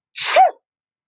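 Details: Single sharp acted sneeze demonstrated into a tissue: brief inhaled catch, then explosive burst that fades quickly.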